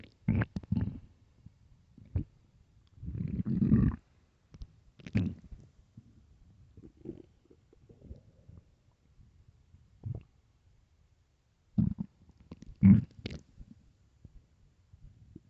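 Low gurgling, rumbling bursts at irregular intervals with quiet gaps; ordinary stomach growling from an empty stomach.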